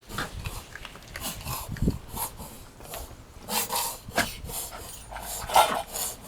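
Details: Dog with pale gums that seems dehydrated: repeated harsh, rasping snorts; noisy snorting upper-airway breathing; owner wonders whether it is kennel cough.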